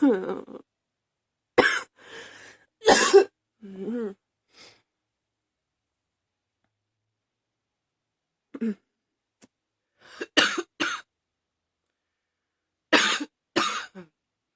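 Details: Never-ending cough: repeated harsh cough bursts in clusters with strained breaths and gaps; a persistent coughing fit.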